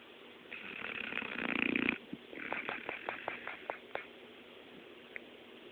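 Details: Boxer dog, normally a very active sleeper, snoring while asleep: a long snorting snore on one breath, then a run of quick fluttering snuffles.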